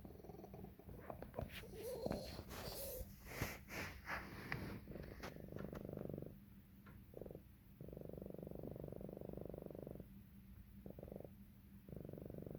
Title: Cat coughing, wheezing and swallowing when purring